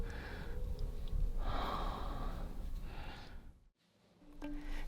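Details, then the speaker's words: Laboured breathing in a cat sick with a virus spreading among household cats, with runny nose and coughing; footage may be for the vet or a recreated scene. "Oh, you're having a hard time breathing, you poor thing..."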